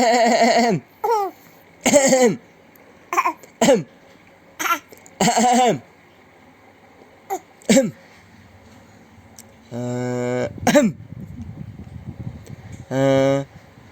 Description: Anak kecil lucu, Liat Ayah Batuk Jadi Ikutan Batuk sambil ketawa,